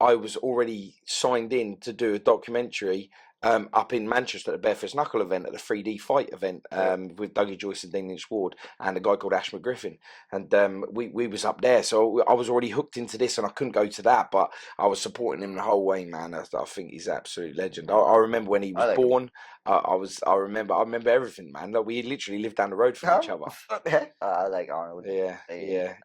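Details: Adult man speaking; ordinary speech.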